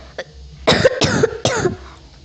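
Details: Adult gives three quick, harsh, evenly spaced cough bursts over about a second while decorating a cake. Cough.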